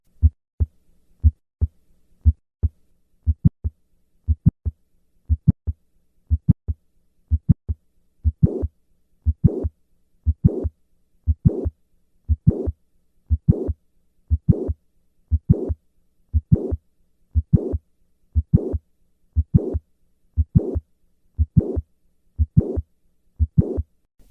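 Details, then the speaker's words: Mitral valve prolapse: regular heartbeat near 59/min with a systolic click and late systolic murmur, heard standing then squatting; the squat maneuver changes the click-murmur. "Listen once again to the change in the click murmur with a squat maneuver."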